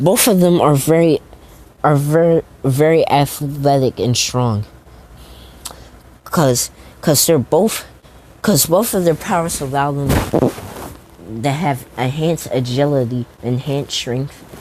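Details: Stuttering, self-reported by a male narrator who says he stutters a lot, with repeated words and phrases while narrating a story.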